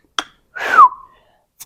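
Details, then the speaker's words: Acted portrayal of Tourette syndrome in a student with uncontrollable random outbursts in class: sudden breathy outburst sliding into a brief falling squeal, a simple vocal tic. "I'm starting to have like these like random Outburst in class and I've noticed that like more of my classmates are like staring and looking at me and like I just can't control it like I have like a urge to blirt something out"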